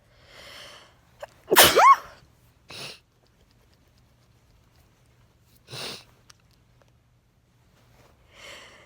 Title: Allergy sneezes in weird lighting